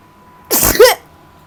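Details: Japanese girl sneezing: one sharp, explosive sneeze with a short voiced ending over a faint steady tone, after she says it nearly came.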